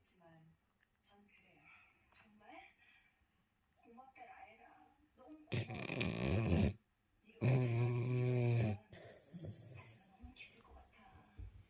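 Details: Sleeping dog snoring: two loud, drawn-out snoring breaths, one with a buzzing, vibrating tone, between softer breathing and quiet background talk.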